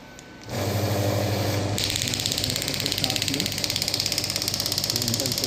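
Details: Biotronix pneumatic radial extracorporeal shockwave therapy (ESWT) device fired on the hand at low pressure (about 4–6 bar, max 12): brief hum, then fast train of sharp rattling mechanical taps.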